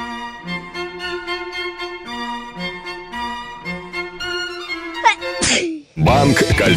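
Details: Staged sneeze in a Russian TV commercial about colds and finding medicine: string music, then one loud forceful sneeze at the end; a simulated sneeze attack.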